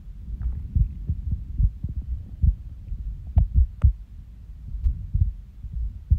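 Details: Irregular heartbeat with skipped beats: low, muffled resting heartbeats with uneven spacing and occasional longer pauses. Recorded by the person themself just after waking from a nap.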